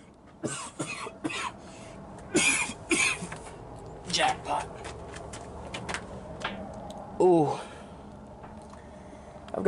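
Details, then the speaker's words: Adult man with a recent respiratory illness and wheezing he describes as whistling: several short, harsh coughs and throat-clearing sounds with brief voiced, slightly whistling tones. "I've got some kind of respiratory thing going on right now lately."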